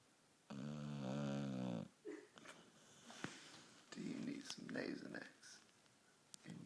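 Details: A sleeping dog gives one long, loud, tonal snore with a wavering pitch, then softer rough, rumbling breaths in a quiet room; the owner wonders whether she has a sinus problem.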